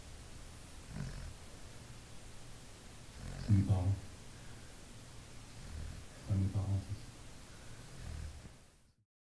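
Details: Two low, rumbling snores a few seconds apart over soft room noise from Nana, a Labrador comfortably asleep.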